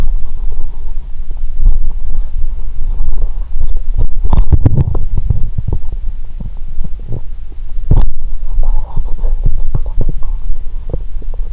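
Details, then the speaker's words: Stomach sounds of a hungry person starting to drink cola: low, irregular gurgles and rumbling clicks over a steady low hum, with a few louder bursts of active bowel sounds. "When I started drinking cola, my stomach screamed loudly 😂"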